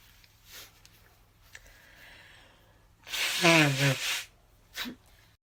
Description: Caught a mini-fit at my desk. I was hella congested too, hence the never-ending nose-blow.